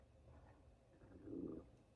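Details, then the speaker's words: Adult man's stomach growling, which he attributes to eating less: a low, gurgling rumble that swells and fades over about a second. "Why is my stomach growling? Because you're eating less. That's why."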